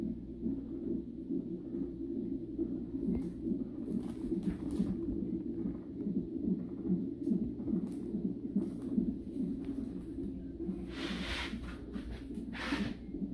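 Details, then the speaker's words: Fetal heart rate acceleration with movement on Doppler during a 37-week non-stress test in a high-risk pregnancy: heartbeat becomes stronger and faster each time the baby moves, indicating a healthy, active baby. "Every time he moves, the heartbeat's getting strong and fast."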